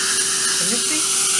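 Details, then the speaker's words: High steady surgical drill whine with a brief muffled voice during implant site drilling in a maxillary anterior extraction socket before implant placement: dental implant drill. "this is my drilling technique in the maxillary anterior extraction socket"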